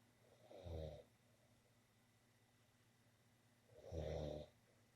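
Two low, rumbling snores about three seconds apart in a quiet room, each a rough vibrating breath: ordinary snoring.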